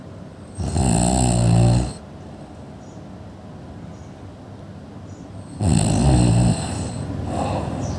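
Two loud, rumbling inhaled snores about four seconds apart, with quiet breathing between them. Ordinary snoring.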